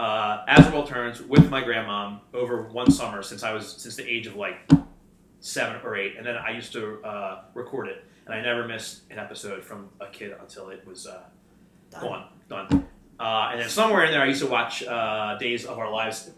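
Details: Lifelong stuttering in an adult male host who works in sales and as a wedding MC.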